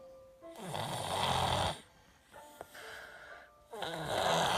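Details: Two loud, rough, rattling snores on the in-breath, with quieter breathing between and background music; a girl snoring while she has a cold.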